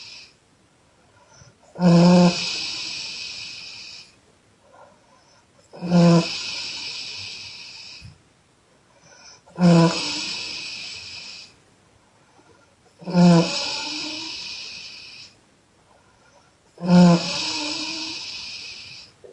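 Five loud, deep, rumbling snores, each followed by a long hissing exhale, at about 16 breaths a minute; heavy snoring.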